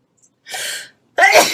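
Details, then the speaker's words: Quick breath in, then a sharp burst of air: a single sneeze from a woman who says she has issues with her nose that make her sneeze repeatedly once she starts. "I hate when I sneeze sorry for my sneezing thing I do have some issues with my nose so when I do start sneezing I sneeze"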